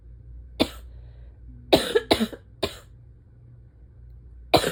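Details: Adult with asthma, morning after waking in early fall with low-to-medium pollen: five harsh, abrupt barking cough bursts, some in quick pairs; barking asthma cough.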